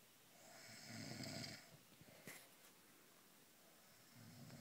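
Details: Snoring in a pregnant woman, described as a side effect of pregnancy, during sleep at night: a rough, fluttering snore on the in-breath, then quiet breathing and the start of the next snore.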